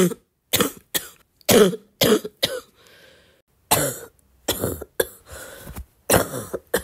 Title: wet cough short compilation